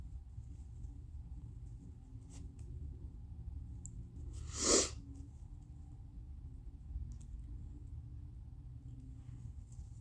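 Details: Tissue-induced sneeze in a person with a very snotty nose: a single sharp, explosive sneeze over a quiet room hum.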